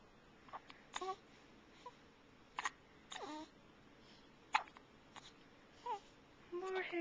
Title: making noises and hiccuping (again!